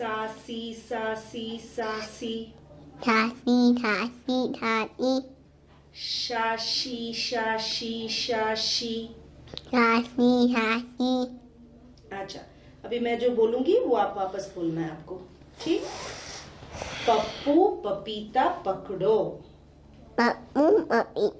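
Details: Child with cleft palate: mostly weak pressure consonants, /s/ stopped to /t/, and sounds beyond the alveolars backed to glottal stops or glottal fricatives (cleft palate speech with backing).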